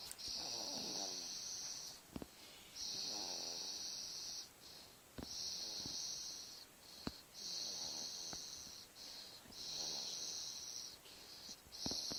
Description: This baby is sawing logs at 5 months old!